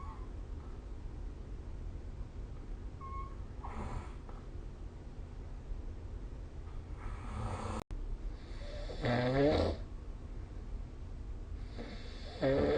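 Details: Slow, rough, rattling snores on breathing in, roughly 19 breaths a minute, over steady room noise; snoring during sleep.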